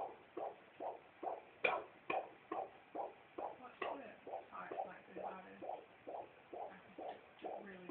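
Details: Fetal heartbeat: rapid, regular whooshing pulses at about 133 beats a minute.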